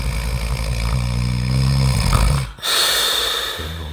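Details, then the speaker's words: Adult man in deep sleep in a hotel room at night, startling at his own snoring before it resumes louder: loud, low rumbling snore, a brief break, then snoring again, faint music in background; loud snoring. "님의 코 고는 소리를 녹음하게 됐습니다 [음악] 굉장하죠 지금은 자기 자신이 코고는 소리 놀라고 [음악] 놀란 상태입니다"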